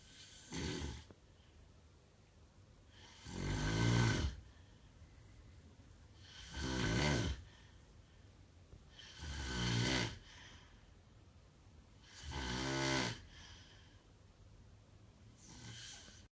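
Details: Loud, rattling snores about every three seconds, roughly 20 a minute, with quiet gaps between; ordinary heavy snoring.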